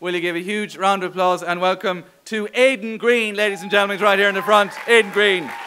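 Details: Adult male host; normal speech.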